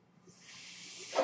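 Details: Speaker's own mechanical ventilator heard while she talks: a soft airy hiss builds steadily over a faint low motor hum as it pushes air during a breath.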